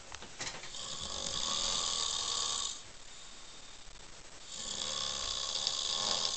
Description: In a hostel in Vilnius (Lithuania) a guy was snoring with his mp3 and the rest of the people in the room couldn't sleep.